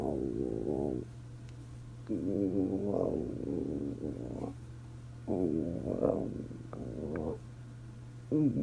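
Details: Stomach rumbling (borborygmi): irregular gurgling, warbling rumbles in about four bursts over a steady low hum.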